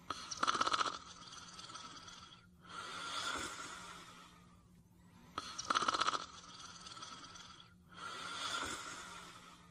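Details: Cartoon character Caesar sleeping and snoring (animated series Fafa the Explorer, 1986–1989): a rattling, whistling inhaled snore, then a softer exhale, repeated twice.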